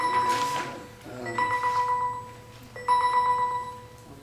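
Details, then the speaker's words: Diabetic glucose meter alarm going off during a meeting: repeated electronic tonal beeping in bursts over room noise; the owner says it rises again even when turned down. "Whose phone is that? It's not a phone. It's my meter. My diabetic meter."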